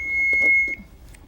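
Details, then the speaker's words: AED power-on beep in a 2010 demonstration by a nurse instructor: after simulated CPR compressions, the defibrillator is opened and switched on, giving a steady high-pitched tone with soft handling clicks before its voice prompts begin. "as soon as the AED arrives ok i'm going to open that up going to stop my compressions and i'm going to turn it on"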